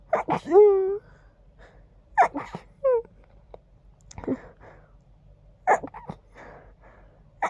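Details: Quiet stifled sneezes while congested: several short, muffled, held-back sneezes with quick intakes of breath, some with a brief voiced squeak.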